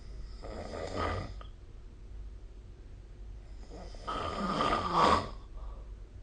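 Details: Snoring during sleep: two rough, fluttering snores a few seconds apart with quiet breathing between them.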